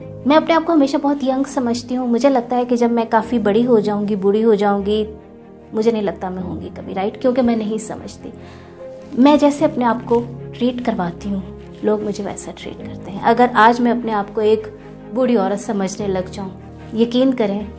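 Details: Adult woman speaking Hindi; fluent speech.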